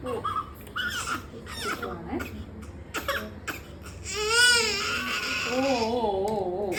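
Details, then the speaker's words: Newborn baby boy in hospital after delivery, crying even after feeding: wavering high-pitched cry building to sustained wails, with adults softly soothing nearby; ordinary newborn crying. "എന്താ കരയുന്നേ പാപ്പ കുടിച്ചിട്ടും കരയാണോ"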